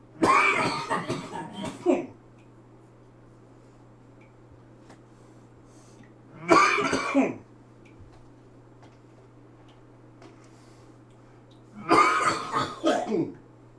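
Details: Adult cooking steak who accidentally pepper-bombed himself gives three bouts of coughing and throat clearing about five seconds apart, in a quiet room with a low hum; irritant cough.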